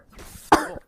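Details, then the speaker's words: Cough from a girl: a single sharp, voiced cough burst after quiet breathing, with a short trailing tone. "제 가 지금 감기 에 걸려서 기침 을 많이 해 요 . 양해 부탁 드립니다 ."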